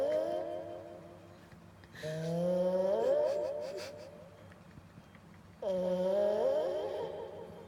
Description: That's my cat, his name is Mr.Gold. He's 10-years-old, likes to sleep so much and every time he sleeps he snores loudly.